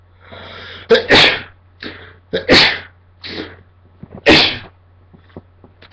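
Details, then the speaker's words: Self-induced sneezing by tickling the nose with a Q-tip: a rapid run of three loud sneezes, each preceded by a short gasping inhale, with a steady low hum behind. "oh my god it worked all right I got some out let me do this some more"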